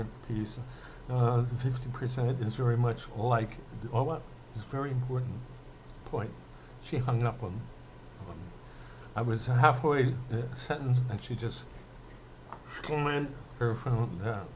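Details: Adult male who says he mainly stutters when emotional, speaking emotionally here; stuttering.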